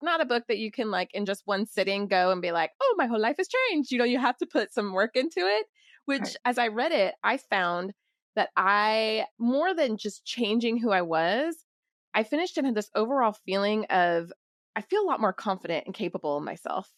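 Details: Adult woman; typical speech.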